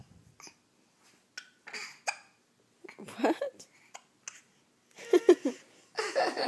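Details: Child with hiccups: brief, sharp voiced catches at irregular intervals between soft giggly sounds; hiccups.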